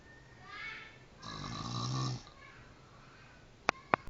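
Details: Loud, low rattling snore after a soft breath, with two sharp clicks in the room, recorded in Depok on 05-04-2011; snoring.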